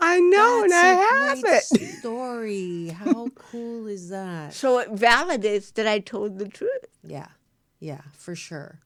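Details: Woman (actress) with cerebral palsy, real, unacted speech in a studio interview; dysarthria (cerebral palsy).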